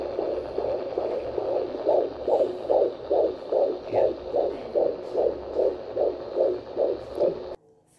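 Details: Fetal heartbeat on Doppler at a doctor visit after 4 months of pregnancy completed: rapid, regular whooshing pulses, about 146 beats a minute.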